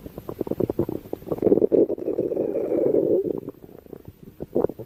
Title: A special stomach growl video